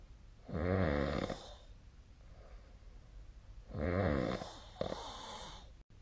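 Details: Two loud, low, rattling snores on breathing in, about three seconds apart, with quieter breathing out between; sleep snoring recorded 2025/02/25 with the SnoreLab app.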